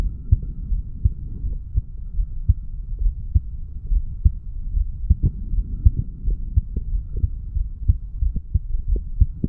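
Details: 35-year-old male's heartbeat recorded at the mitral area after weight training: fast, regular low thumps about 100 per minute under a steady hum; heart sounds after exercise.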